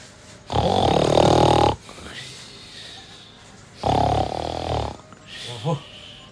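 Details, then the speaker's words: Child imitates dad's snoring while asleep: two loud, rough, rattling snore-like breaths. "やったよパパの真似何パパ何がパパの寝てる時のパパの真似"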